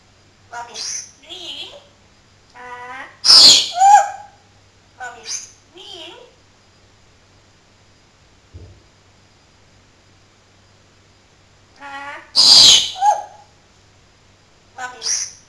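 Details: Talking parrot imitating a human sneeze after its owner sneezed: parrot chatter with two loud, sharp sneeze-like bursts.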